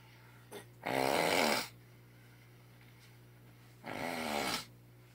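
Two long rattling inhalations about three seconds apart over a steady hum, typical of snoring.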